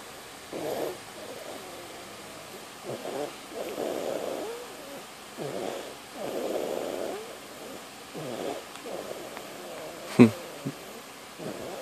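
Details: Light snoring: soft, irregular fluttering snorts and rumbling breaths with one sharp noise.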